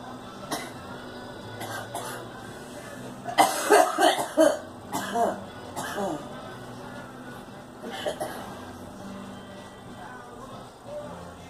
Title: Girl coughing